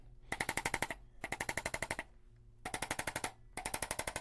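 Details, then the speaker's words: Arthrostim chiropractic adjusting instrument applied over a joint to correct subluxations; four short bursts of rapid mechanical tapping, about eight to ten pulses each, felt and heard as vibration: chiropractic adjusting instrument. "So one way is by using what we call an arthrostim. You might hear a little vibration and feel a little vibration over the joint."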